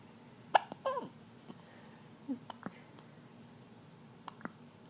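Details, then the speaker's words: Very loud hiccups from a person: several short, abrupt, catching sounds at uneven intervals in a quiet room. "Very loud hiccups."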